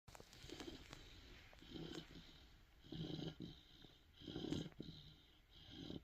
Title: Cane Corso Puppy Snoring #italianmastiff #dogsofinstagram #dog